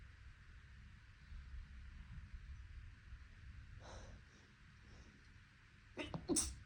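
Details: Allergy sneezing after grass cutting, with eyes watering: a soft breathy build-up, then a sudden sharp sneeze over steady background hum.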